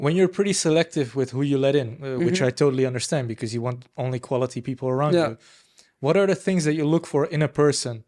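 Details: Adult man speaking; normal speech.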